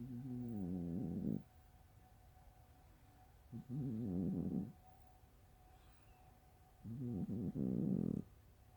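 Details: Cat snoring: three low, fluttering, buzzy snores about every three seconds with quiet pauses between, rattly enough to sound like passing wind.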